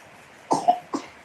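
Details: Young child with a cold (pilek batuk) gives two short cough bursts, the first slightly drawn out.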